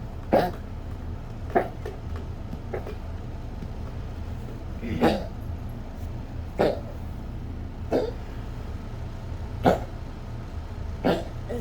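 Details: Yorkie with rapidly worsening collapsing trachea in a 3 a.m. fit, increasingly frequent lately: about eight harsh, abrupt cough bursts a second or two apart in a quiet room; a honking cough from tracheal collapse.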